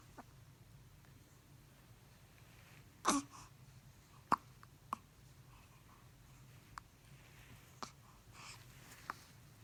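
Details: Infant hiccups: about six brief, sharp, unevenly spaced hiccups over ten seconds in a quiet room.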